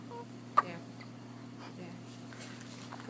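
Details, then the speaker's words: Young boy with hiccups: a single sharp, abrupt gulping hiccup sound over steady room hum. "right about there. Someone's got the hiccups."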